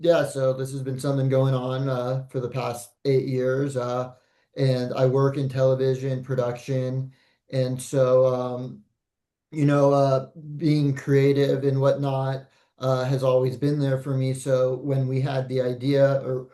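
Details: Adult male speaker; normal speech.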